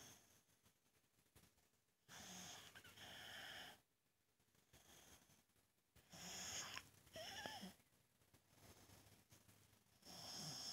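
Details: Boxer dog snoring while sleeping, so loud the TV can't be heard: loud, rasping snores with whistling, snorting noise on each breath, about 15 breaths a minute.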